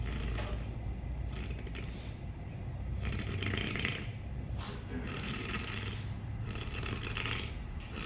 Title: Most funny snoring video ever!!!